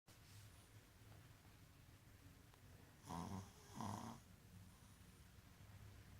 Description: snoring